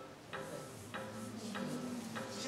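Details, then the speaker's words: AED training with pads attached: steady electronic ticks at about 100 a minute, the AED metronome pacing chest compressions during CPR. "그리고 으 하긴 1탄 위계 붙어 있는 상태에서 지금 각자가 나오죠 이 박자에 맞춰서 침대 생수 해주시면 되요"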